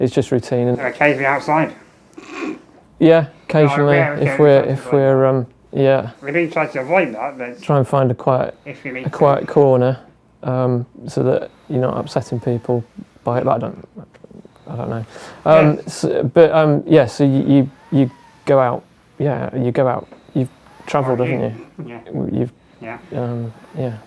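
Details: Adult man with muscular dystrophy and low lung capacity, tracheostomy for 15 years with a fenestrated tube, ventilator with a speech valve and air leak around the trachea: ventilator-paced speech, spurts per ventilator breath with breaks between.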